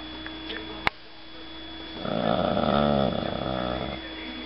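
After a brief click, a single drawn-out, rumbling, buzzy snore lasts about two seconds against a steady low room hum.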